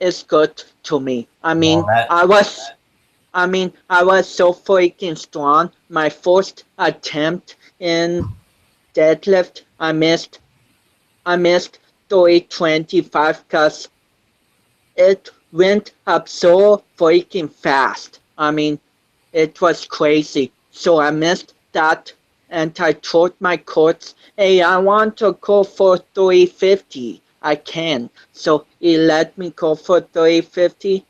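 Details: 25-year-old man with cerebral palsy since birth, which he says affects his balance, coordination and speech; doctors had told him he would never walk; real speech; dysarthria.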